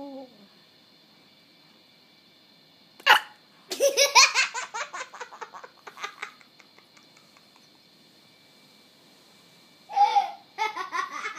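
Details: Adult (mommy) hiccuping: two sharp, abrupt hiccups, each followed by bursts of baby laughter in a quiet room.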